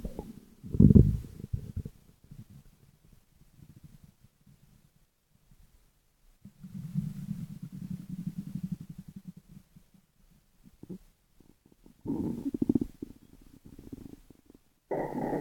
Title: 12 Minutes of stomach growls